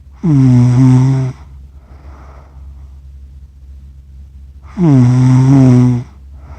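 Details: Adult accidentally recorded while asleep, with cats nearby; loud, buzzy, voiced snores on each breath, about 13 breaths a minute, with quiet airy breathing between; heavy snoring.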